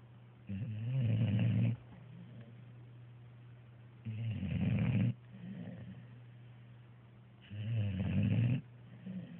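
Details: Snoring: three low, rumbling snores on breathing in, about 17 breaths a minute, with softer breaths out between them.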